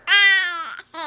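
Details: A single short, clear, high-pitched cry, then a brief second sound, from a 3-month-old baby: a normal infant fussing cry.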